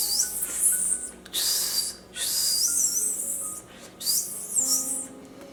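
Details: Autistic adult woman demonstrating a repetitive hissing 's' sound triggered by hearing or reading words with s, begun in adulthood after drug-related incidents, linked to sensory processing and mostly involuntary; vocal stim.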